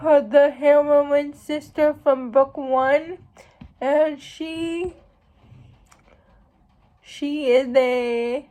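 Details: Speech of a young woman who states she has cerebral palsy; speech in cerebral palsy.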